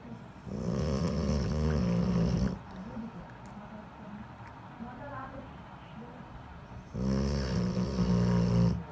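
Loud, low rattling snores with quieter breathing between them: a sleeping dog snoring.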